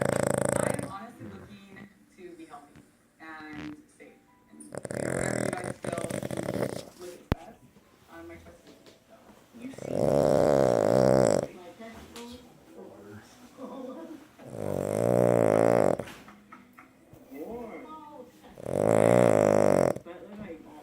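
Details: Pug sleeping in owner's lap, loud, buzzy, fluttering snores recurring about every four to five seconds.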